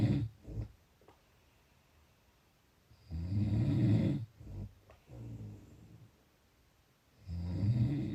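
Low rumbling snores on the breaths, about 15 breaths a minute, with quiet pauses between them in a small room.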